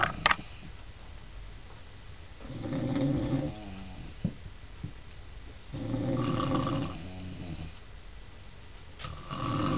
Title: just sumin to laf about.......me mom snoring!!